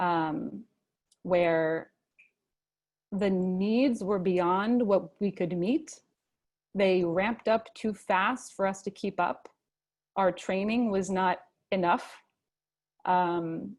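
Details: Adult male, a father, who stutters and chooses to stutter openly, speaking at a convention for young people who stutter; stuttering.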